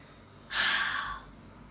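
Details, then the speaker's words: A single forceful open-mouthed breath out lasting under a second, as if fogging a glass: a huff, the forced expiration technique taught by a physiotherapist for clearing post-COVID lung phlegm. "इसमें आपको मुंह खुला रख कर जोर से सांस बाहर निकालें हैं जैसे आप इमेजिन करिए के सामने ग्लास है और आप उसके ऊपर तीन दया करें"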